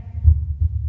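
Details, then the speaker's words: Two low thumps of one heartbeat on precordial auscultation: a longer, louder, deeper first sound (systole), then a shorter, sharper second sound: normal S1 and S2. "mi primer ruido cardíaco que es de mayor duración de mayor intensidad y es grave que corresponde a la sístole cardíaca"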